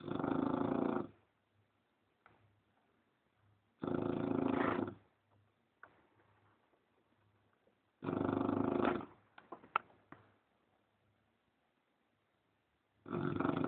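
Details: A sleeping English bulldog snoring: loud, harsh snores about every four seconds, roughly 15 breaths a minute, with quiet gaps between them.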